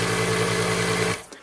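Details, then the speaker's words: Loud steady mechanical hum and buzz of a home nebulizer compressor used mornings and evenings, stopping abruptly near the end. "We have a nebulizer here, and if you're familiar with nebulizers, this isn't going to be a surprise. This one's pretty loud."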